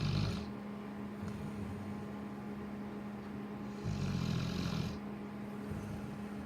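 Deep, rumbling snores in slow breaths over a steady background hum; a large dog snoring.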